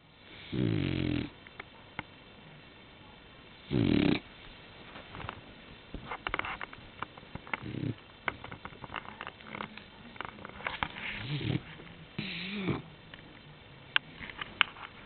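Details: Dog giving loud snorting snores with irregular softer snuffles and rattles between them; snoring.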